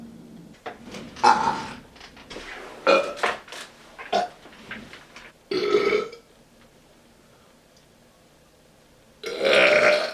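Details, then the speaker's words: Man burping on command for an audition: a series of loud, drawn-out deliberate burps with short pauses between them. "Hi, my name is, and this is Burping on Command."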